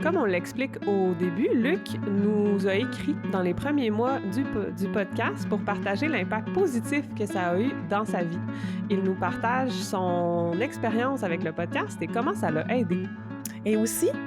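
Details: Stuttering in an adult woman who is a speech-language pathologist and doctoral candidate, speaking French.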